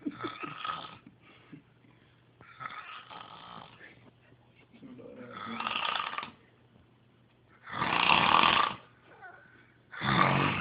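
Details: Man snoring very loudly: repeated rough, rasping snores growing louder, with quiet gaps between breaths and a faint steady hum; loud snoring.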